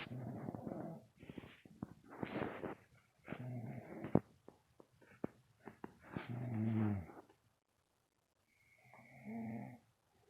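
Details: Sleeping dog snoring: soft, irregular snuffling snores and grunts with quiet pauses between breaths.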